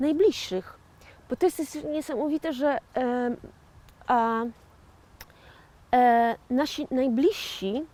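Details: 41-year-old woman with aphasia after a stroke in 2009, self-described stroke survivor and aphasian; aphasia after stroke.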